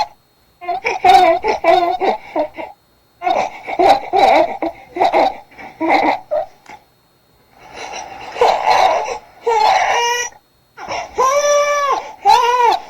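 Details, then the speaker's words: Overheated newborn: breathy, panting cry with an airy 'h' onset and no straining, sounding almost like laughter; infant cry from being too hot. "자 우리 이제 더운 아기 소리 들어보셨는데 확실히 h 발음이 조금 있죠 그래서 하고 웃는 소리 들립니다"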